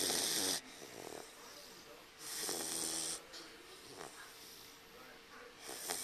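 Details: Snoring in a sleeping Dogue de Bordeaux puppy napping on its owner's lap: loud, noisy, rattling breaths separated by quieter stretches.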